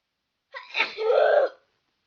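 A single odd sneeze: a short indrawn breath, then a drawn-out, slightly voiced burst lasting about a second.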